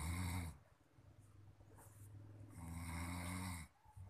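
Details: Man snoring very loudly, possibly tired: deep, rumbling snores on the in-breath with a quiet pause between them; snoring.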